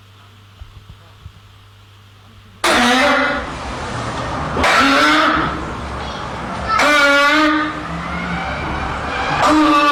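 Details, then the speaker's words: Short, loud, honking chronic cough, presented as somatic cough syndrome (functional, psychogenic cough). "طيب اي واحد عنده شورت لاود هونكينج كاف يبقى عنده سايكوجينيك كاف؟ بالتاكيد لا."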